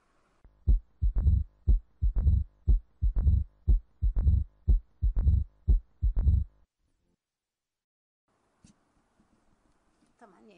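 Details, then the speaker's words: Teaching recording from a nursing workshop on mitral stenosis: regular low heart sounds about 60/min, with a forceful opening snap as the stiff leaflets open, then a low mid-diastolic rumble between beats. "هذه مواصفاتها شنو انه لما يكون اليتر استينوس ب تضيق فيما تنفتح الوريقات ح تنفتح بقوه تسم حصير نسمع الصكه الانفتاح اللي هي اوبنين سنام"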